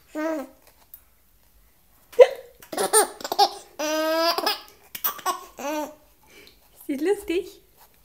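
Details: 7-month-old infant with hiccups, laughing and babbling, with a few short catching hiccup sounds between laughs.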